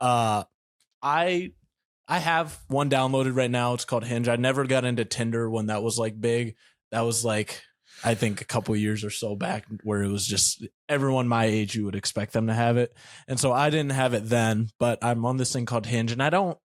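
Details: Adult male speaker; typical speech.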